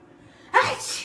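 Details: Acted comedy sneeze: one sharp, explosive sneeze with a hissing burst of air, performed as one of several sneeze types.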